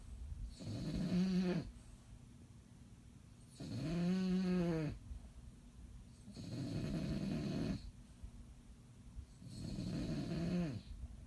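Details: Bulldog asleep after a long, tiring day: loud, regular snoring with a buzzing tone on each breath, about 20 breaths a minute.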